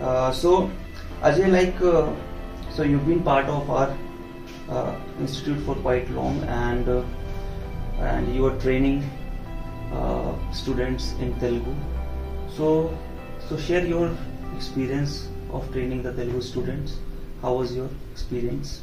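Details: Adult male speaker; typical speech.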